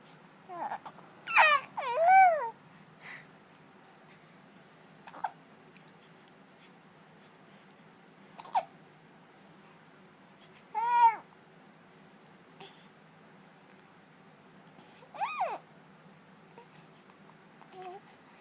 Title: Talking and the hiccups - 17 weeks